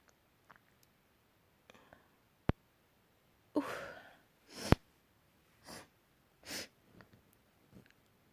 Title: build up sneezes (kinda desperate)